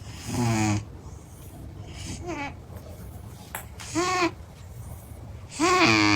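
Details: Sleeping female cat snoring with high, squeaky, whistling sounds on each breath, roughly every second and a half; snoring.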